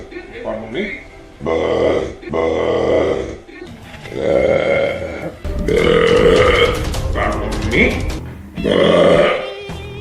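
Several long, loud, deliberate voiced belches in a row, with music in the background; voluntary burping.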